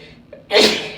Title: Induced Allergy Sneezes (F)